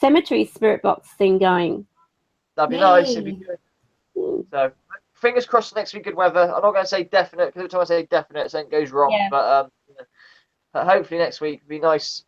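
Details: Adult speaker; Normal conversational speech.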